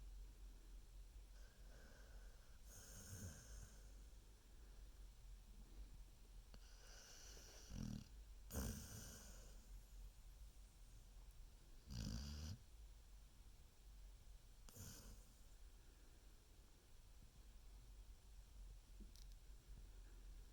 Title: Baby snoring